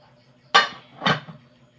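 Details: Two short, sharp cough bursts in a quiet room, shown alongside an old cough remedy called to-ob; cough.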